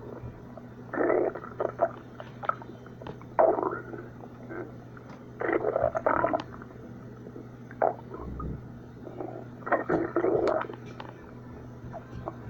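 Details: Stomach growling: several low, gurgling rumbles coming and going irregularly over a steady hum, ordinary borborygmi from gas and fluid moving through the gut.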